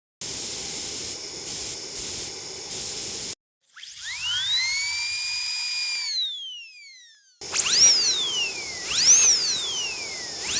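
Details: Dentist scene with a drill on a patient described as having a complicated root canal: high, thin whining with rising and falling pitch sweeps, interrupted by hissing spray; dental drill.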